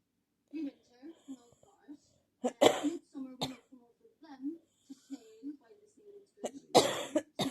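Short voiced catches and throat sounds build to two strong coughs, part of an ongoing coughing fit.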